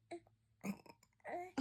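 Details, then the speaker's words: Baby girl during tummy time gives several short, soft throaty bursts in a quiet room, infant burps bringing up swallowed air: burping. "Oh goodness. That's why we do that tummy time. Get those burpees out."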